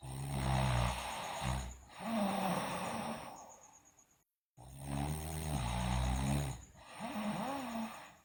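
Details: Sleeping girl loudly snoring: loud, low, rattling snores on two inhalations, each followed by a quieter pause: heavy snoring.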